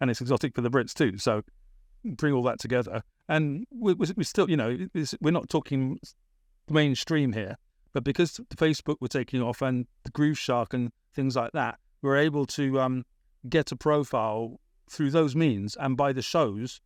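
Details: Adult British man, born 1975, with a persisting stammer that was a big issue around age 28-29, treated with speech therapy in Britain; stammering.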